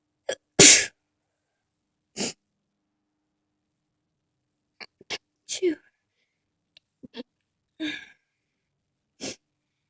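A run of sharp, hissing sneeze bursts, about eight in ten seconds, with quiet gaps between them: a sneezing fit.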